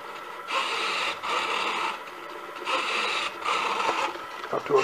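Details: Homemade programmable bedside ventilator whose servo-driven scissor arms squeeze a bag-valve-mask (Ambu) bag: rapid whirring bursts with brief pauses at about 29 cycles a minute. The squeeze gives inhalation and the release gives exhalation, set to a fast rate.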